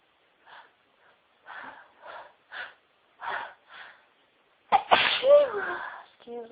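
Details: Woman with repeated sneezing: a run of about six soft, quick sneezes, then one louder, fuller sneeze.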